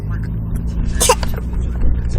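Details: A toddler gives one short, forced, voluntary fake cough over a steady low engine rumble.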